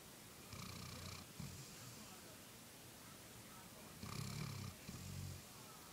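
Two slow, rough, rattling breaths during sleep over steady background hiss. Snoring.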